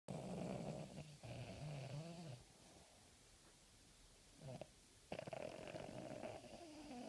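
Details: Terrier dog, tired and sleeping the day after Christmas, making rough, fluttering snores between quiet pauses in a small indoor room.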